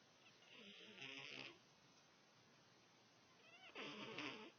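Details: Two soft, rough snoring breaths with a nasal whistle in a quiet room; snoring.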